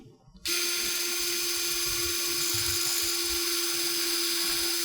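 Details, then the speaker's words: Pelvic fracture surgery in a dysmorphic sacrum: a powered surgical drill gives a steady high-pitched whine while starting an implant guide into reasonable bone of the upper sacral segment. "Sometimes you'll have to drill this in and you know I will take the drill cuz this is reasonable bone. And I'll just get this started a little bit."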